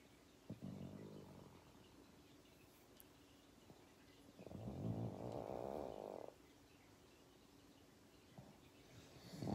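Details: Sleeping pug snoring in a quiet room: two longer rattling, snorting breath noises with faint snuffles between them.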